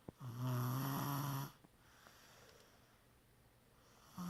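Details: Snoring during sleep: one low, buzzing snore of about a second, then quiet breathing, with the next snore starting at the end.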